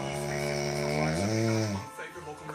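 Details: A single loud, buzzing, rattling snore on an in-breath, ending in a softer breath, with the sleeper then startled awake; snoring.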